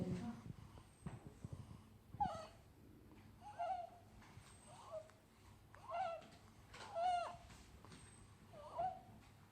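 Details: Three-day-old newborn with stridor: repeated high-pitched squeaky noises on each breath; stated to disappear in about 1–2 weeks.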